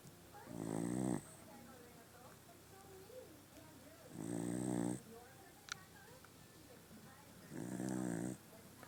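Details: Dog snoring loudly: three rattling snores about three seconds apart, each under a second, with quiet room noise between them.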